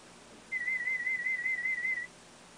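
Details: Cochlear implant user's third hearing test at an ear unit: a steady, high, slightly warbling pulsed tone of about 1.5 seconds over faint room hiss; the hearing level reached the speech banana. Audiometry test tone.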